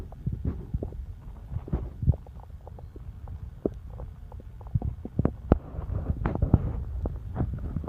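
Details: Stomach rumbling: audible bowel sounds (borborygmi) from the belly.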